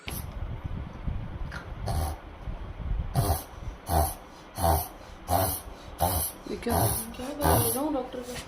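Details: Lhasa Apso dog with kennel cough giving a rapid run of about eight harsh, honking coughs.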